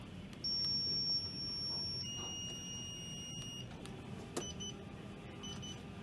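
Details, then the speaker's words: Steady high-pitched electronic tones stepping up in pitch over a low hum: a ZOLL R Series defibrillator charging at 30 joules during a self-check. "i want to go to defib i want to bring the joules j-o-u-l-e-s down to 30. i want to charge"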